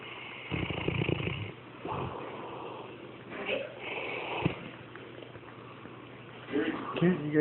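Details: Sleeping beside her "daddy" and snoring; someone asks "Are you snoring?"; snoring.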